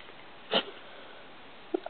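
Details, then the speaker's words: Miniature Pinscher named Biggs gives a single short, soft, breathy sneeze, weak, followed by a couple of faint clicks in a quiet room. "He's gotta sneeze at some point. He's gonna do it. Come on, Biggs."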